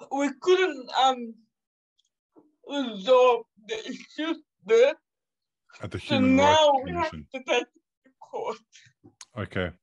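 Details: 27-year-old woman with cerebral palsy caused by severe neonatal jaundice; doctors predicted in childhood she would never walk or talk; she says it makes her sometimes speak and move differently; dysarthria (cerebral palsy).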